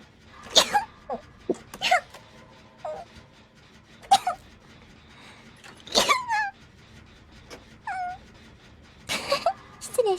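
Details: Several short, sharp, high-pitched stifled sneezes with squeaky vocal sounds in between, from an adult woman.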